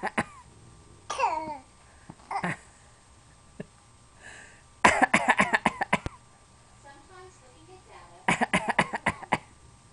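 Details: A young child gives rapid, staccato fake coughs in quick runs, with some vocal sounds between bursts and laughter around; voluntary cough.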